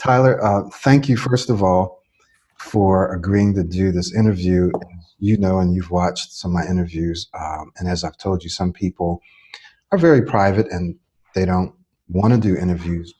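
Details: Adult male speaker; normal fluent speech.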